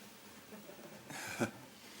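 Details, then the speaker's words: Hiccups: a baby has the hiccups while family members talk around the child. "oh look at you he's got the hiccups"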